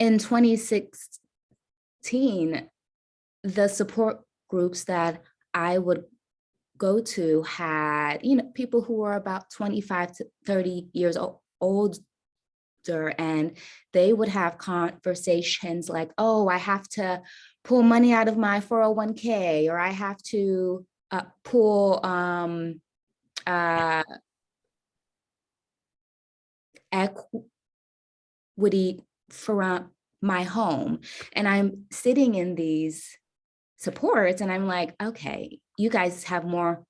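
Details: Adult woman caregiver with a self-reported stutter; stuttering.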